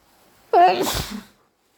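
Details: Single sharp sneeze, possibly from a wet-induced allergy: quick intake, then explosive nasal burst trailing off in under a second.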